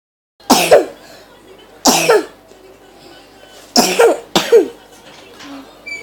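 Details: Four loud, forceful, deliberately exaggerated coughs, the last two close together; acted, not a real illness: exaggerated cough.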